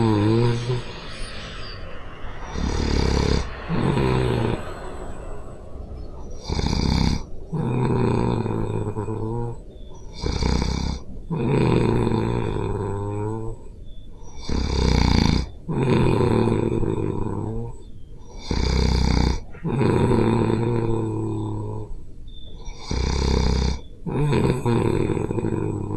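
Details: Adult self-recorded snoring during sleep on a Zoom H5 handheld recorder: loud, rough, low-pitched snoring in a steady rhythm with each breath.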